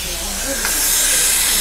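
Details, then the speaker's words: Continuous loud dental suction hiss during irrigation of the canal, with hydrogen peroxide mentioned just before, in a root canal on a crowned front tooth with a dead nerve and a large jaw-bone abscess. "I just like to rinse the canal out real well allows me to get a better seal okay"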